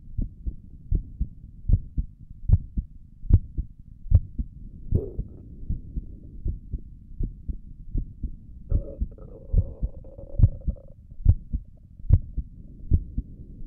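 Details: A person's own resting heartbeat recorded through a stethoscope on the chest for relaxation: regular paired thumps at roughly 75 beats a minute with a brief rustle and a faint tone; normal heart sounds.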